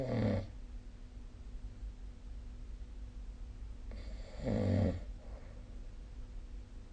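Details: Snoring recorded with the SnoreLab smartphone app: two low, rumbling snores about four seconds apart, with quiet room noise and a faint steady hum between them.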